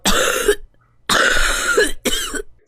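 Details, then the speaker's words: Three loose, rattling cough bursts demonstrating a wet productive cough with phlegm, attributed to a viral respiratory infection such as a cold or flu. "ثانيا السعال الرطب المصاحب بالبلغم وهذا صوته"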